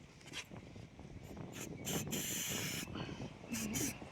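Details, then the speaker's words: Medicated wound spray from a pharmacy applied to a young sheep's injured leg wound after an injection: several short hissing spray bursts, one longer, with faint bleating. "Spray म्हणतात त्याला तो medical मध्ये भेटतो"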